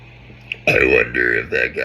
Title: Compilation of my burps